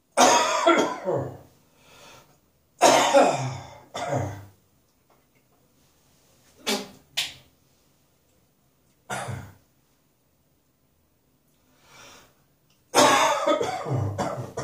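Repeated harsh, rough coughing bursts with throat clearing and short sharp spitting sounds between them.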